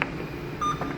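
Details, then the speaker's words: Single short electronic tone over room hum as a Dräger Primus anesthesia machine is switched off by pressing the power button. "Terus Pak cara matikannya Pak, ini kan posisi jalan nih, cara matikannya coba Pak. Kalau matikan tinggal tekan power, Tekan power. terus tekan."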